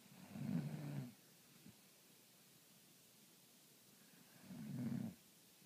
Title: The best mom snore ever